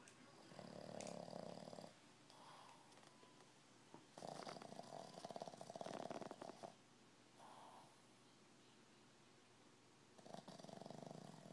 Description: This little puppy sounds like a frown man snoring.